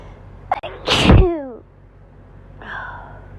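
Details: A short indrawn breath, then one forceful voiced sneeze ending in a falling vocal tail, from bad hay fever allergies.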